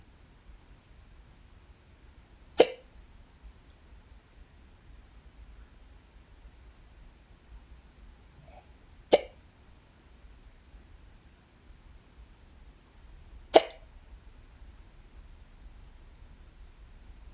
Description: i had the hiccups a few days ago while i was home by myself. i actually got them more than once that day, this is from the first case.